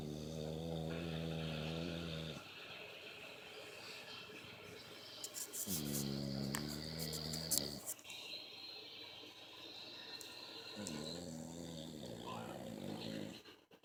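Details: Adult male partner snoring: loud, buzzing rattles on each breath in, separated by quieter breaths out; typical heavy snoring.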